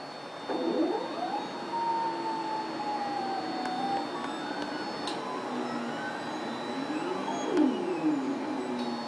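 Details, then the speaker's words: Planmeca ProOne panoramic dental X-ray during exposure, patient lips closed, tongue on palate, operator holding exposure button until arm returns to start; steady motor hum with slowly rising and falling whine as arm rotates. "And in order for the machine to automatically return even after the exposure, I'm going to have to continue to hold down the button until the machine makes it back into the starting position."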